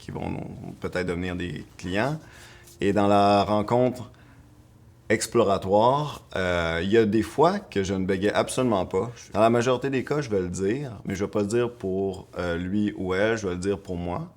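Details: Adult woman speaking French who stutters and reports blocks when speaking with clients; stuttering.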